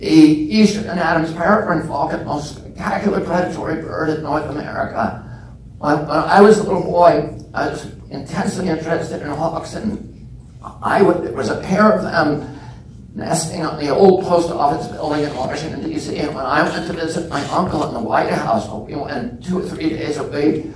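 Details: Spasmodic dysphonia in an adult man, self-reported as spasmodic dystonia with onset at age 42 causing voice tremble; he says it lessens or goes away after speaking a while.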